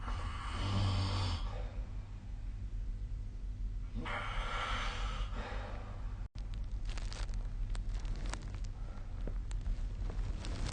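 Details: Two noisy sleep breaths about four seconds apart, the first with a low rattling buzz, then faint clicks and room noise: snoring.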